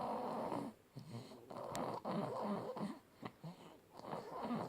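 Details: Sleeping baby girl, one of twins: repeated rough, rattling breath noises in quick succession, some with whistly edges; loud snoring.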